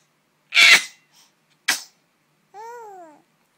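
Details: Infant boy sneezes twice, first loud and second shorter, then a brief rising-falling coo; sneezing attributed to ashes in the air, baby fine.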